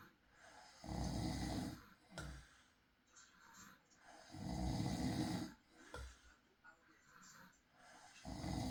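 Deep, rough snores repeat about every three to four seconds, roughly 16 a minute, with softer breathing sounds between them.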